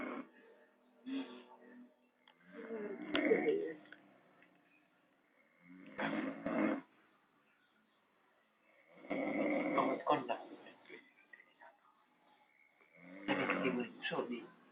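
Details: Person sleeping: irregular, rough snorting snores with quiet gaps, about four bursts with throaty flutter; heavy snoring.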